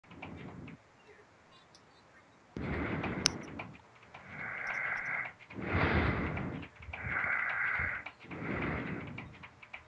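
Loud, rough, rattling breaths repeat in a steady rhythm, with a whistly edge on some of them: heavy snoring.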